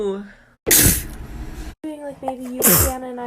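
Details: Two forceful sneezes, each led in by a short voiced intake, with brief talk between; ordinary sneezing.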